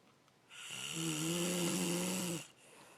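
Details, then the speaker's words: A single long, loud, droning snore on the in-breath lasting about two seconds; deep-sleep snoring. "you were so loud I cannot study"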